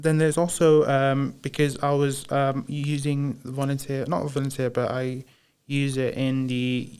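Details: Man with Broca's aphasia since a 2010 haemorrhagic stroke while playing high school rugby, about 15 years on; initially only yes/no/maybe with slurred speech; knows what to say but struggles to produce it; Broca's (non-fluent) aphasia.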